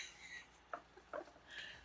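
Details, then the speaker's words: Cat sneezing in the background while a person talks indoors. "can you hear my cat in the background sneezing"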